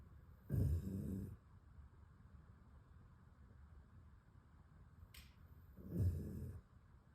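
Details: Dog snoring: two low rattling snores about five seconds apart, with quiet breathing between.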